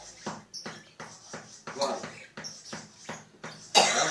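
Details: Patient with a cough lasting 4 years, recorded during a ruqyah session: a run of about eight harsh, rough coughs in quick succession, the last one loudest; chronic cough.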